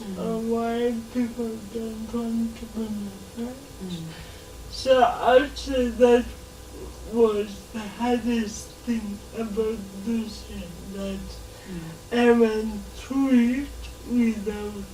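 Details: 26-year-old woman with lifelong cerebral palsy whose speech she says makes her hard to understand, though she is verbal; dysarthria (cerebral palsy).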